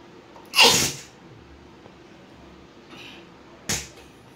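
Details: An Indian housewife doing a nose-blowing and sneezing challenge sneezes twice, a loud sneeze then a shorter one, in a quiet room. The sneezes are induced by tickling her nostril with rolled paper.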